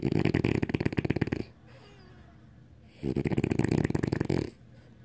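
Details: French bulldog named London snoring while asleep: loud, rattling, fluttering snores, two long snores separated by quiet pauses.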